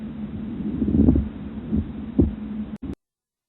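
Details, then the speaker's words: Pleural friction rub, leathery creaking and grating bursts over a steady hum, from inflamed pleural surfaces rubbing together; most commonly caused by pneumonia spreading to the pleura. "Rubs occur when the pleural surfaces are inflamed that can be caused by a variety of disease processes. The most common cause is a pneumonic process that has spread to the pleura."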